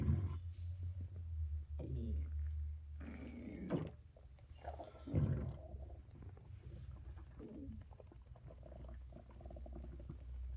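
Low rumbling with bubbling gurgles and a few louder squeaky swells; ordinary stomach growling, a normal sound of gas and fluid moving through the gut.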